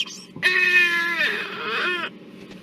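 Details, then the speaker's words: Infant with difficult airway in a neonatal tracheostomy-care lecture: single long, high-pitched, musical breath noise typical of stridor from narrowed larynx; stridor. "porque este paciente es un paciente difícil, porque con la dificultad que tiene, lo vuelvo a poner así le escuchan el estridor."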